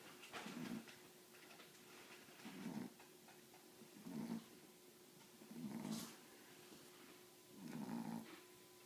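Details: Soft, regular low rattling snores about every 1.8 seconds from a sleeping dog, with faint room hum; snoring.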